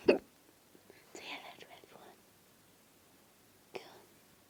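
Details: Whispering by a person who has hiccups, with two abrupt gulping bursts a few seconds apart; hiccups.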